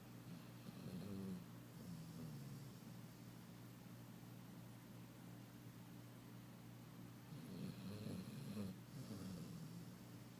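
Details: Soft, low rumbling snores over steady room noise, two louder breaths standing out; ordinary snoring during sleep.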